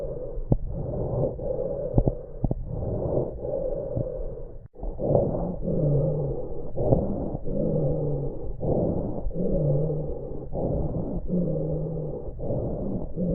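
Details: Repeated breaths with low-pitched wheezy tones, scattered crackles and coarse crackles during inspiration: COPD lung sounds with prolonged expiration.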